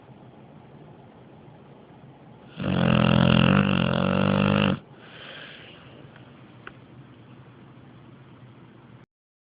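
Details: Sleeping dog snoring very loudly: a loud, rough, rattling snore of about two seconds on one breath, then a softer breath out, over steady room noise; snoring.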